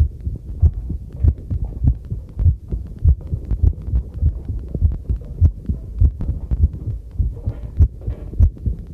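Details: Own normal heartbeat recorded with a new field stethoscope microphone on its first trial while doing housework; regular paired low thumps at about 100 beats a minute, with faint tableware clinks and rustling behind.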